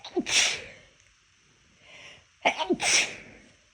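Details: Deliberately held-back sneezes that fail: two suppressed sneezes, each a short catch of breath followed by a muffled, hissing burst.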